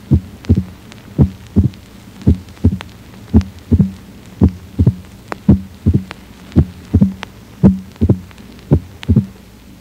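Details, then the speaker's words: Simulated mitral stenosis heart sounds from a cardiac sound simulator, about 56 a minute; a mitral opening snap, a short sharp high-pitched click just after the second sound, best heard at the left fourth intercostal space near the sternum. "Isto é o estalido de abertura aumentarei e diminuirei a intensidade do estalido a fim de torná-lo mais"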